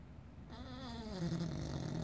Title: Rubble snoring